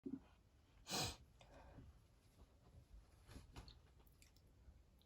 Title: Big, wet perfume sneezes